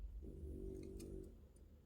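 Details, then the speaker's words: A single low, rumbling, slightly rattling breath lasting about a second from a dog sleeping right beside the recorder, with faint clicks in a quiet room; snoring. "Gracie's snoring her head off. You can hear her because she's so clingy. She has to sit right next to me and snore all"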